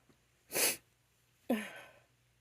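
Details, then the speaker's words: Two allergic sneezes from an itchy female: a sharp explosive burst, a quick intake, then a voiced sneeze. "Gotta sneeze, maybe. Sneeze."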